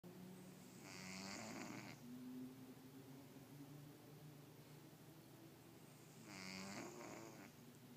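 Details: Sleeping cat that snores sometimes and won't wake when snoring, recorded on a phone mic: two rattling, fluttering breaths about five seconds apart with faint low hum between, snoring.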